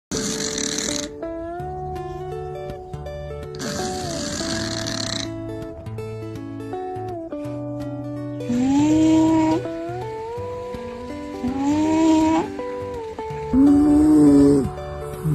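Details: A cat snoring, with soft rhythmic snores about every three to four seconds, partly masked by loud background music; snoring.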